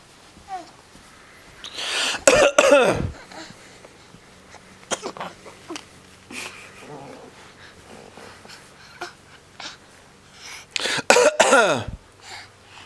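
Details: Repeated coughing in a child: two clusters of harsh coughs separated by quieter breathing and faint room noise.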